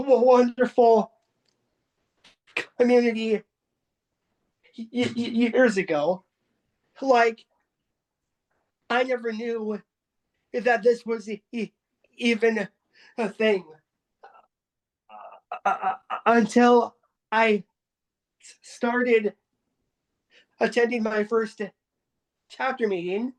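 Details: Adult person who stutters, taking part in a stuttering support group meeting, with repetitions and filled pauses; stuttering.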